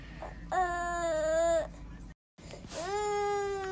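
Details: 1-year-old boy born with cleft palate, born at 37 weeks after growth stopped at 33 weeks due to maternal preeclampsia, around cleft palate repair surgery in hospital: infant cry, two sustained clear tonal bursts separated by a short pause, light room noise.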